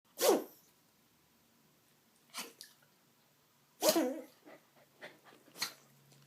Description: But really... have you ever heard a dog sneeze like this before?